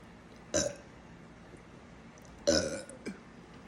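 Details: Adult woman burping on command: two short, abrupt burps about two seconds apart, the second followed by a small trailing sound.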